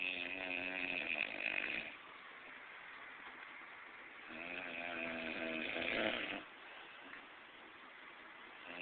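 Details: Two long, harsh, buzzing snores with quieter stretches between them, recorded on a muffled, tinny device; loud snoring during sleep.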